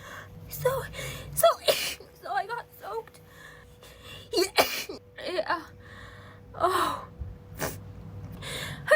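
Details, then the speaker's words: Acted scene of a girl with a headache, cold and wet after getting caught in the rain, having a rapid sneezing fit: short, sharp repeated sneezes with gasping in-breaths between, mixed with speech. "sorry it's just I'm cold and and wet I can't stop sneezing"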